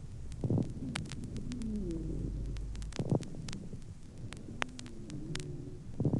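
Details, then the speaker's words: Lung auscultation with mixed sounds: moist, resonant medium and coarse bubbling crackles on inspiration and dry musical wheezes of varying pitch on expiration. "на вдохе определяются влажные звонкие средние и крупнопузырчатые хрипы А на выдохе сухие хрипы разного тембра"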